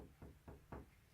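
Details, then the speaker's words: Chest percussion over the back in a thoracic exam demonstration: three low, hollow resonant taps compared side to side, at the same sites as auscultation, to look for dullness or extra air, as in hemothorax or hemopneumothorax. "percutir de manera comparativa para que en busca en búsqueda de de sonidos mate resonantes impresionantes"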